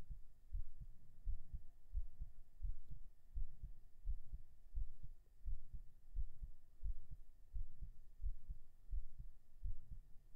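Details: Binaural recording of steady low double thumps at about 87 beats a minute, a normal heartbeat slightly quickened after 37 push-ups.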